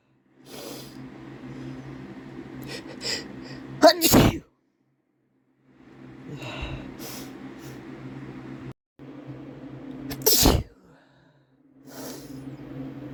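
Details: Man's two loud explosive sneezes, each preceded by a sharp catching breath, over steady room hum; fresh sneezes from one of several sessions.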